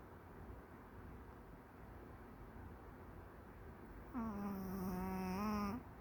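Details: Maltese dog napping during the day: a single drawn-out, whistling tonal snore over low room noise.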